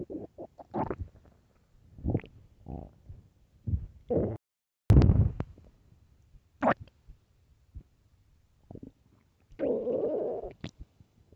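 Loud low gurgling and rumbling bursts at irregular intervals; hunger stomach growls, a normal bowel sound.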